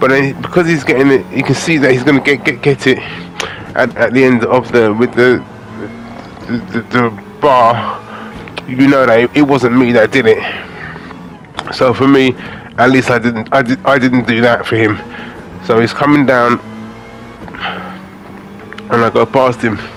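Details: Adult man with aphasia after a major stroke in August 2013, doing gaming commentary to practise his speech; aphasia.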